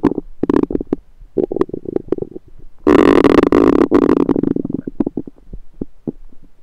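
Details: Bubbly gurgles and pops with a second-long rumbling groan midway, recorded over the recorder's own abdomen with a USB stethoscope; normal active bowel sounds.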